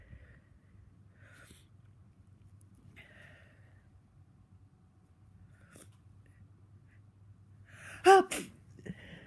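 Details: Congested, runny-nosed person sneezing repeatedly through the day: quiet room, then a single loud congested sneeze near the end with a short follow-up burst.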